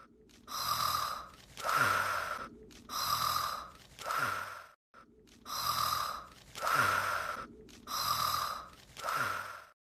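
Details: Looped cartoon snore from the anime Sekai Seifuku: Bouryaku no Zvezda, not a real sleeper: alternating rasping intake and breathy outflow, about four cycles in ten seconds, repeated.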